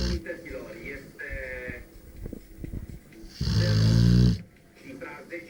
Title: Spike, the rottweiler dog snore like a pig